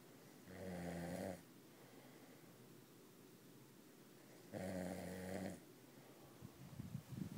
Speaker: even Lucy's awake because snor so damn loud